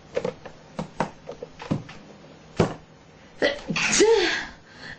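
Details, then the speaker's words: Several quick, light sneezes then one louder full sneeze with faint room noise; woman sneezing repeatedly while showing earrings and apologizing. "this again excuse me guys excuse me I'm sorry"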